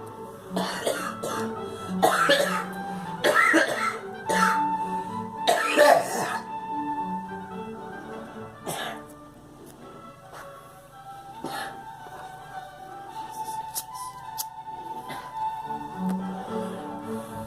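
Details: A girl coughs harshly about six times in the first few seconds, with music playing steadily underneath.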